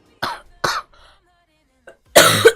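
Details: Girl with a cold that has lingered: two short, sharp coughs, then a louder throat-clearing burst, in a quiet room.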